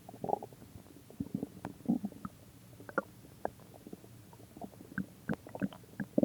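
Irregular bursts of gurgling, squeaky and bubbling bowel noises; ordinary stomach growling.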